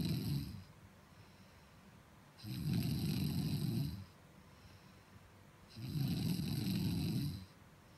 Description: Loudest snore you could ever hear to a beautiful girl.... 😋